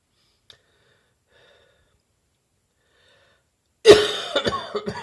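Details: Adult recovering from bronchitis with a still-present but much drier cough: after near silence, one sharp cough followed by a few short, lighter coughs.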